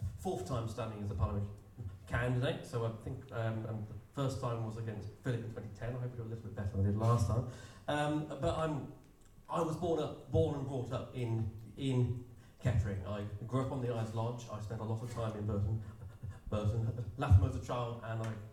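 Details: Stammer (stuttering) in an adult man who describes himself as openly disabled and says his stammer can be heard, speaking at an election hustings.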